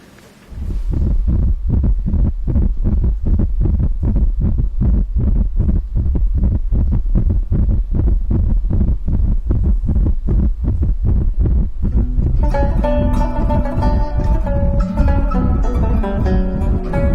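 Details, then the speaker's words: Fetal heartbeat on Doppler during a pregnancy check, rapid regular whooshing at about 150 a minute with music joining later; a dramatized scene from a TV series, not a real patient. "daha önce Kalp sesini dinlemiş miydiniz Hayır Peki bebeklerin önce kalbi oluşur Bakın size dinleteyim"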